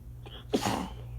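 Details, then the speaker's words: A brief indrawn breath, then a single forceful sneeze in a small room; part of an adult woman's sneezing fit triggered by shower water accidentally sprayed up her nose. "And so now I'm just sitting here in a towel. Sneezing my head off. Oh. I'll start. Oh. It's crazy what a few drops of water will do."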